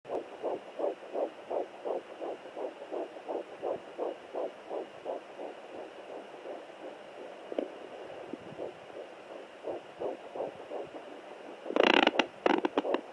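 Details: Fetal heartbeat on a home Doppler at 9 weeks 2 days of pregnancy: fast, regular whooshing pulses at about 160–170 per minute, with readings up to 170. The heartbeat was first found at 8 weeks 7 days.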